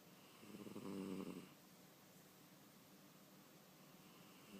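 One soft, brief, low rumbling snore against steady room hiss; quiet snoring from a sleeping cat.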